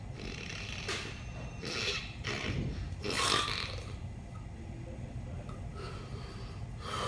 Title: Most funny snoring video ever!!!